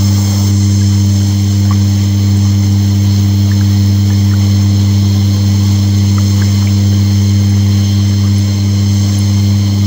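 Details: Nebulizer (aerosol) compressor running with water bubbling: steady, loud low motor hum and constant buzzing drone with faint scattered bubbling clicks.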